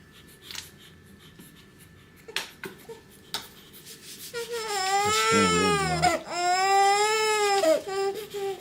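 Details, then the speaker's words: Newborn boy less than a day old, in hospital during his first 24 hours, gives a loud, sustained wailing cry with brief catches for breath, after soft rustling; newborn cry. "Don't worry about him crying. You just know."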